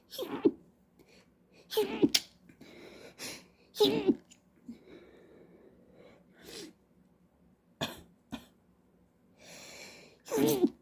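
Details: A run of sharp, explosive sneezes, about eight in ten seconds, with breaths and small catches between them; the person reports being unable to stop sneezing; repeated sneezing.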